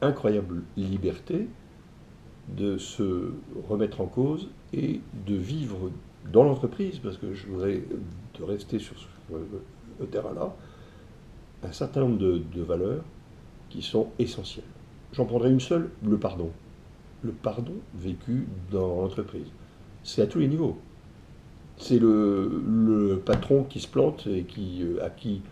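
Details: Man who stutters, describing it as what has marked him most in life though it never held him back; ease of speaking varies with the listener's receptiveness; stuttering.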